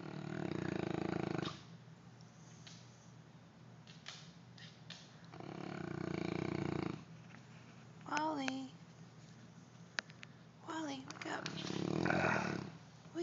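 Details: Sleeping Neapolitan Mastiff, a rescued former shelter stray being rehabilitated: rhythmic, buzzing snores with a few squeaky whimpers between breaths; snoring.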